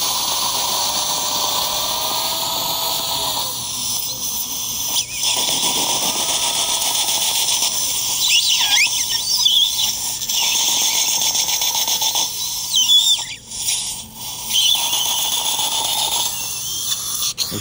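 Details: High-pitched whining drill in bursts with brief pauses, making pilot holes on the left side for mini dental implants. This is a ten-implant upper arch case with bone loss, low sinuses and a narrow ridge; implants are torqued to 30–60 Ncm.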